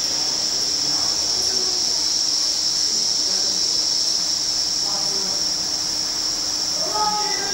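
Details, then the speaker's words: Tinnitus sound-therapy noise from hearing-aid fitting software, demonstrated in a lecture, starting from the noise the software chose and then changing in pitch and level. "si parte dal rumore che il software stabilisce gli piace mette la puntina da disegno per ricordarsi sentite come cambia il rumore"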